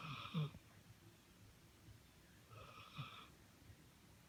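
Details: Two soft snoring breaths with a faint whistling, wheezy tone on each inhale. Ordinary snoring.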